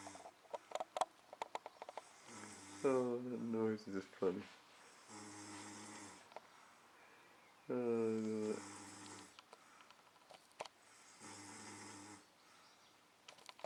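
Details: Adult man asleep in a hot hotel room at about 5 a.m., snoring heavily: loud, rough snores with each breath in alternating with quieter breathing. Snoring.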